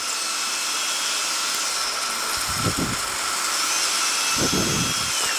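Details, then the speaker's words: Otologic surgical drill during cochlear implant surgery demonstration, thinning bone near the facial recess after cortical mastoidectomy with liberal water irrigation because the facial nerve is nearby: steady high-pitched whine with hissing water, dipping in pitch as it bites bone. "You should use liberal amount of water because you are working in an area where there is facial nerve."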